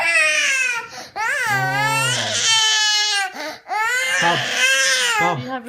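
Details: Young child crying while a caregiver asks what's the matter and offers juice, with background music: loud, high-pitched wailing in drawn-out bursts with short gasps between, in a small room; distressed crying.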